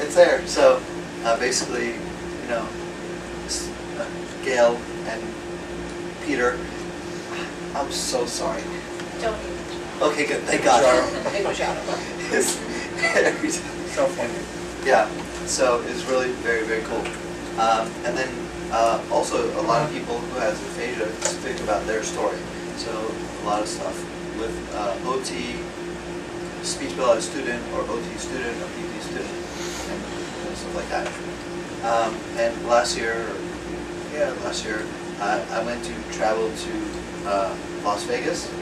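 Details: Male retired pediatrician with aphasia after a left-hemisphere stroke from a torn carotid artery in 2014; right-side paralysis recovered; his words are slowly returning with speech therapy; aphasia.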